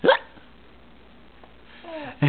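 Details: 4-month-old baby boy with hiccups, seemingly amused by them: two abrupt short hiccups about two seconds apart, quiet room noise between; hiccups.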